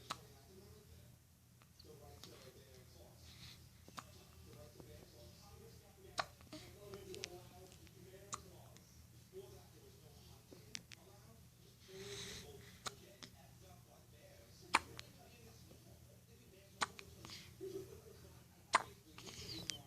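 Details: Baby with hiccups: soft, brief clicking hiccups about 15 a minute at an uneven pace, with quiet room noise and faint voices.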